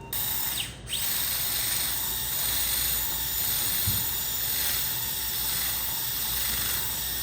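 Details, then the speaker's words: Great toe joint fusion (SpeedMTP) for severe big toe arthritis: continuous high whine and hiss of a powered, talon-like spinning reamer guided by a pin, removing joint surface bone. "So you can see this spins, it's like an eagle talon with sharpened edges. We've already placed a pin down the canal to guide us in the proper direction, and now we're going to remove that surface."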